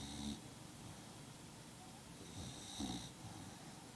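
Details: Dog snoring while asleep in the owner's lap: two rattling snore bursts with a hissing edge over soft room noise; ordinary snoring in a sleeping dog.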